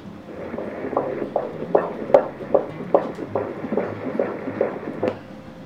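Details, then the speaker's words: Ninth-month pregnancy Doppler sonography with borderline mildly decreased amniotic fluid (AFI 12 cm): rapid, regular whooshing fetal heartbeat pulses, counted at 142 per minute; normal fetal heart rate. "ये heart beat count कर रहे हैं हम लोग। Alternate but पकड़ते हैं। एक बड छोड़ के दूसरा 142 आ रहे हैं। देखो बेबी के हार्ट बीट।"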